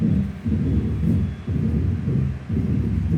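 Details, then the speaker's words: Mitral stenosis murmur: low-pitched mid-diastolic rumble, best heard with the stethoscope bell, with presystolic accentuation from atrial contraction (Duroziez rhythm); bright first sound, split second sound, then the murmur; opening snap. "Y un refuerzo presistólico debido a la contracción auricular. Entonces, es así como ¡puf! ¡puf! ¡puf! ¡puf! ¡puf! Ese es el ritmo de Duroziez, es excelente."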